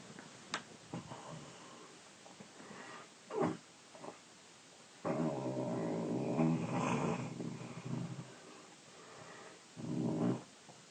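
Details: 15-year-old boy, 5'10", 156 lbs, asleep at night: irregular rough snorting breaths with a longer rattling snore, plus faint snuffles: snoring.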